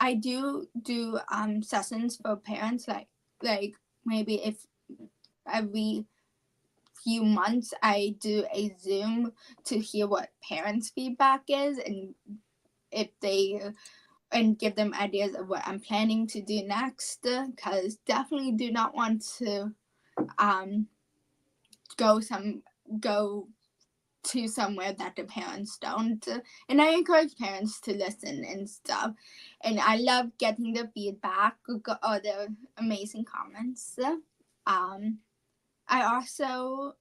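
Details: Childhood apraxia of speech, a neurological speech disorder, in a 17-year-old female high school senior. She has had speech therapy since about age four, has word-recall difficulty, and was once only about 10% intelligible.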